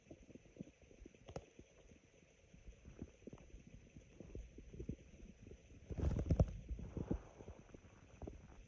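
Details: Sparse, low rumbling and raspy gurgles from the abdomen with one louder growl; very sparse stomach growls, ordinary borborygmi.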